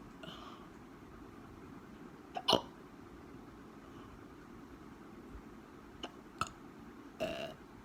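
Several abrupt, short gulping catches over low room noise, irregularly spaced: hiccups.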